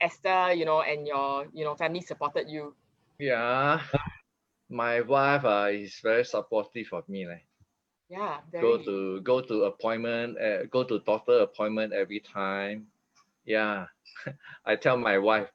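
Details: 50-year-old man after a stroke in June 2018, with aphasia and apraxia of speech that were initially severe (unable to articulate a sound) plus comprehension, reading and writing difficulty, now much recovered: aphasia.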